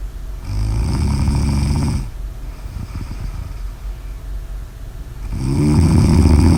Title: Snores: Snore Audio